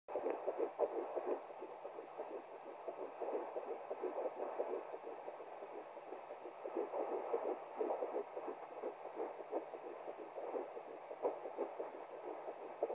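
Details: Fetal heartbeat at 10+3 weeks of pregnancy heard on a home fetal Doppler: rapid whooshing pulses at about 176 per minute.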